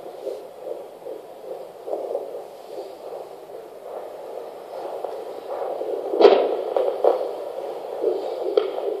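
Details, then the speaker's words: Fetal heartbeat on Doppler at 15 weeks and 5 days of pregnancy, 145 bpm: rapid, regular whooshing pulses, described as a strong heartbeat that sounds fine. "it's a strong heartbeat is it yeah baby waving okay sounds fine guys"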